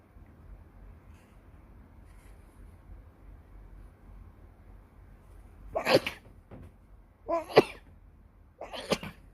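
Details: Person sneezing: three sharp, explosive sneezes over a few seconds after a quiet stretch.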